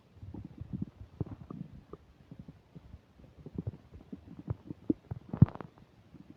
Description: Had a burger and fish fries, as I eat them, you can hear my stomach OBLITERATING everything. this is the rumbliest and loudest my tummy has been on camera forever (so far)